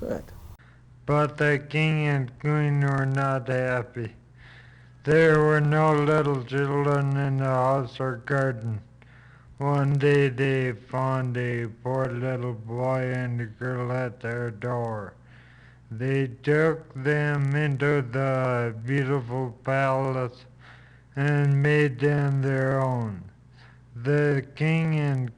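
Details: Female patient reading a passage aloud during a neurologic exam, with flaccid (lower motor neuron) dysarthria from a lower motor neuron lesion.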